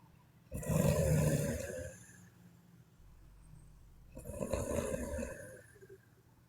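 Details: Sleeping Chinese woman snoring: two loud, rough, rattling breaths in a row, each followed by a quieter pause; snoring during sleep.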